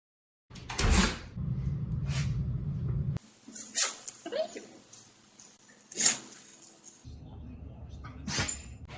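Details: Dog sneezing outdoors: several short, forceful snorting bursts amid outdoor noise and brief talk.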